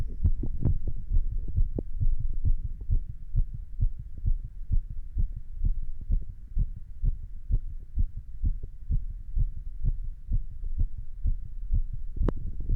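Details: Heart sounds recorded while standing: steady low lub-dub at about 65 beats a minute with a faint hum behind; normal heart sounds.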